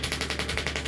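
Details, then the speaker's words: Radial shockwave therapy on the quadriceps of a sports-active patient with patellofemoral arthritis knee pain: a fast, even train of sharp percussive pulses, about ten a second, over a steady hum. "so as we're doing this we're really targeting all of the fibers in the quadriceps"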